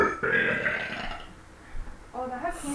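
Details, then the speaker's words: Young woman burping voluntarily on swallowed air, no carbonation: a loud, rough, voiced belch, then a quieter gurgling one, in a small room. "oh it was just a low one on air nothing compared to that thing over there my so-called best friend so called yeah I need some good old Coca-Cola to get my burps going that little carbonation down in my gut"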